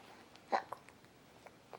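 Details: Baby boy with hiccups: a single sharp, short hiccup in a quiet room, followed by faint softer sounds.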